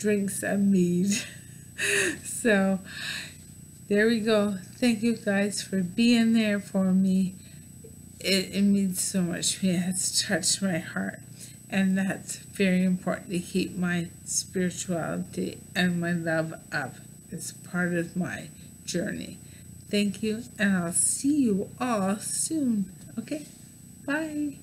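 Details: Adult woman diagnosed with bulbar ALS; mouth and some tongue muscles no longer work because they do not receive nerve signals for voluntary movement, affecting her speech; dysarthria.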